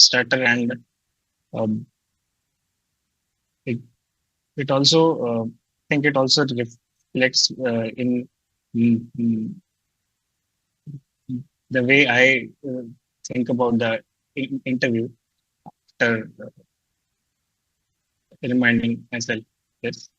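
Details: Male participant who stutters and describes fear of stuttering and blocking before job interviews; stuttering.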